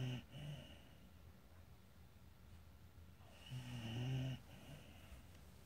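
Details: Female dog sleeping beside her owners' bed, snoring a lot: low buzzing snores separated by quiet breaths.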